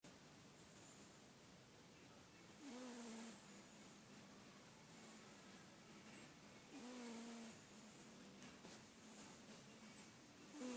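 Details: Sleeping female cat snoring, described as really loud; faint, low snores roughly every four seconds, barely above room noise.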